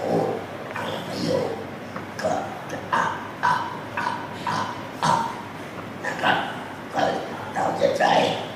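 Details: Man practising esophageal speech after total laryngectomy (whole larynx removed), moving from the sound 'a' to forming words; esophageal speech.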